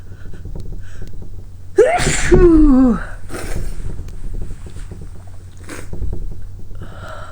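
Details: Sneeze induced by trying lemon balm: a gasping intake, then one loud voiced sneeze with a falling cry-like tail, over steady background rumble; person reports it stings and hurts.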